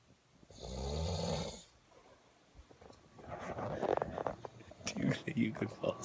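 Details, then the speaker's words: Loud, rumbling snore on an in-breath in a room meant for sleeping, followed by quieter breathing and room noise with faint voices; snoring. "with that big issue do you think you could fall asleep I'm gonna go find a different places we buy now matt is you are oh yeah yeah that's not that no bueno"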